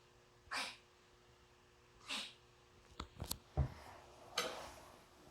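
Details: Duck sneezing: three short, sharp sneeze-like bursts with a few soft clicks and bumps between them in a quiet room.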